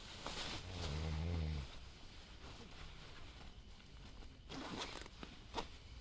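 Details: One low, buzzing snore at 12:30 at night, then wind and rustling outside a tent while camping on a windy mountainside; snoring.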